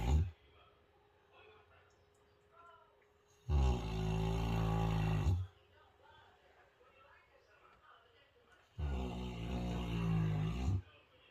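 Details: Loud, deep, rumbling snores about two seconds each with quiet pauses, about three breaths in ten seconds, from a subject knocked out asleep; heavy snoring.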